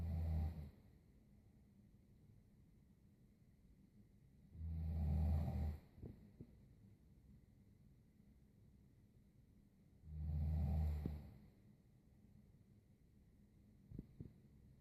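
Low rumbling snores on each breath in, about 11 a minute, with quiet pauses between; ordinary snoring.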